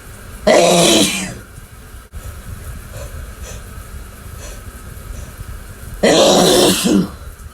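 Two short, explosive bursts of air several seconds apart with quiet room noise between them, typical of sneezes.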